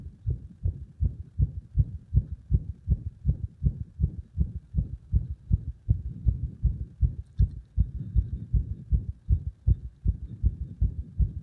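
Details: Deep, compressed heart sounds recorded with pressure applied, about 80 beats a minute, with occasional uneven beats from frequent arrhythmia.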